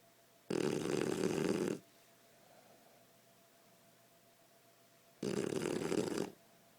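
Two long, harsh, rattling snores about five seconds apart with quiet in between: snoring in a sleeping young dog.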